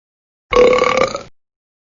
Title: 5 Minutes 💥 Funny Burp Sound Affect